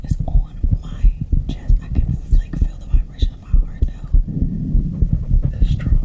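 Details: Steady low thumping heartbeat of another person at about 100 beats a minute with soft whispering over it, recorded for ASMR; normal heartbeat.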